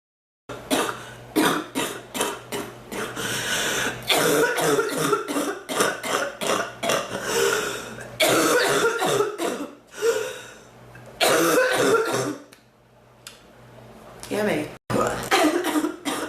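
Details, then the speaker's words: Long run of repeated harsh coughs in close succession with brief pauses, plus a few throat clears; persistent coughing fit that hurts the chest and more the back, coming and going, seeming to dry up. "it hurts my chest and my back more my back than my chest to cough it seems like it gets better and it gets worse"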